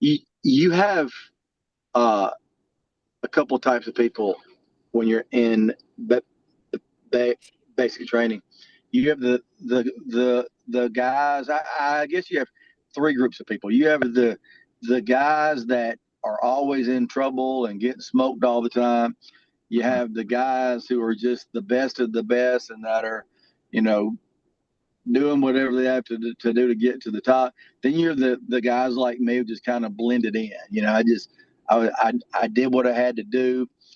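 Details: Adult male lifetime stutterer whose stutter varies and was more severe in childhood; stuttering.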